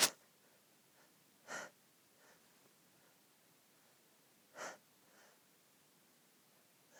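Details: Woman trying to sneeze quietly while in bed next to a friend, unable to stop sneezing: two short muffled stifled sneezes with soft sniffing between them.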